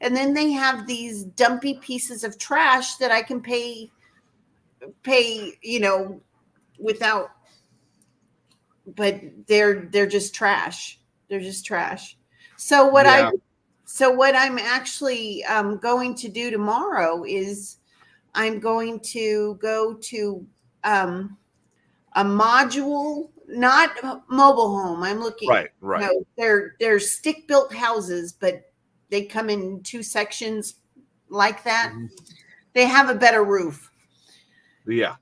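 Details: Adult male with a self-described speech impediment, a stutter he likens to Churchill's; he says he once avoided talking out of fear; stuttering.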